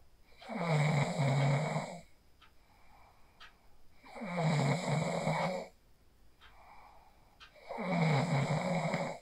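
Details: Phone recording of a person asleep after practicing the 4-7-8 breathing technique: steady, rattling, low snores about every 3.5 seconds, roughly 16 a minute, with faint clicks in the pauses; sleep snoring.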